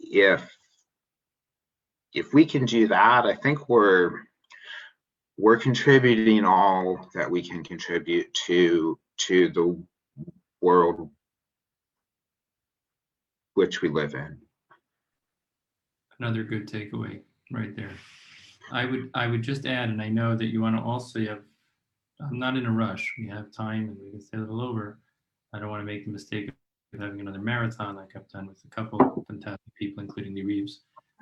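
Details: Real stuttering in an adult male aerospace engineer who self-identifies as a person who stutters.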